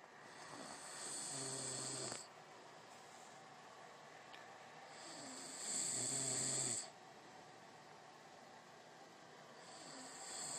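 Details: Person snoring: rough, buzzing snores with a hissy edge on each breath in, about two in ten seconds, separated by quiet pauses.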